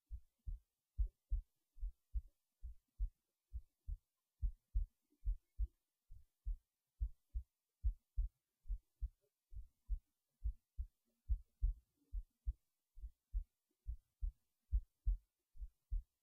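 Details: Heartbeat recorded late at night while resting in bed before sleep: soft regular low paired thuds, roughly 60–70 beats a minute; normal resting heartbeat.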